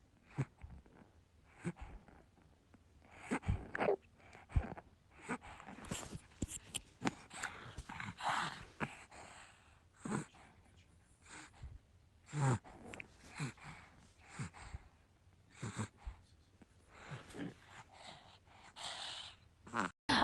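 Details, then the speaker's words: Young child with RSV infection and bronchiolitis: noisy, rapid breathing with crackles heard over the upper right lung, not the whole lung; other doctors had feared pneumonia was developing. "Oldingi olib kelishganda haqiqatda ham butun opkasida emas yaʼni o'ng tomonining tepa qismida branholiddaga xos bo'lgan diilni shumla deymiz. Yaʼni nafas shovquillinarini eshitdim. Yaʼni xriplarni eshitdim."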